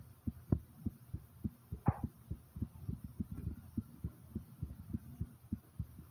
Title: slow to fast Heartbeat ❤